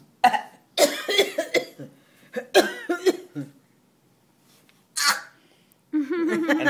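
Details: An adult gives a short series of deliberate, forced fake coughs on command, followed by a brief voiced sound: voluntary cough.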